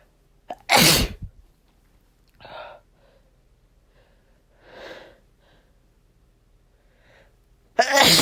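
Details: Person sneezing from dust stirred up while cleaning their room: two loud, explosive, chesty sneezes, with softer breaths and noises between them in a quiet room.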